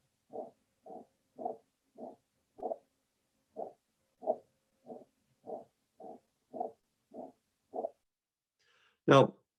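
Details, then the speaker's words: Regular rough whooshing bursts, about 95 a minute, fill each beat, long and loud enough to obscure heart sounds: a holosystolic murmur of mitral regurgitation in a dog with myxomatous mitral valve disease. "Now, the typical murmur of mitral regurgitation will be so long and loud that it may obscure the heart sounds. So, here's a holosystolic murmur of mitral regurgitation."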